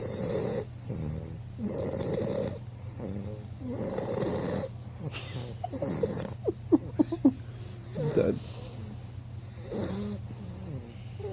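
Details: 11-week-old bulldog puppy snoring with eyes open, possibly not actually asleep: loud, rough, rattling snores with each breath and a few short snorts between, flat-faced dog snoring.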